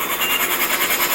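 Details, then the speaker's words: A male patient on a cough assist machine: steady hissing, rushing airflow during the positive-pressure phase of about 2.5 seconds, before the negative phase pulls out secretions. "So I'm going to push it positive for about 2.5 seconds or so, and then very quickly, and I don't know if you can see or not, but it has pulled out quite a bit of secretions."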